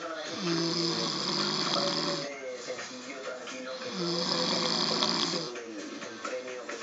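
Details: Adult stepfather asleep, who claims he doesn't snore: loud, harsh snores on the breath under a TV with talk and music.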